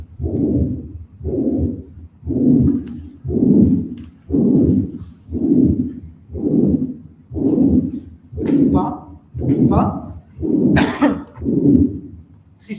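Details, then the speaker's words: Horse with no clinical signs, no exercise intolerance and a normal clinical exam: rough, grade 6/6 holosystolic murmur filling each beat at about 59 a minute, audible on both sides, loudest at the right cardiac apex. "Indeed, holosystolic murmur. The grade again was 6 out of 6. It was rough."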